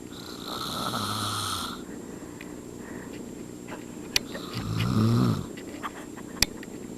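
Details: An adult man, a step-father, snoring while asleep: two loud, rough snores about four seconds apart, each a low rattling sound on the breath in, with quiet room noise and clicks between.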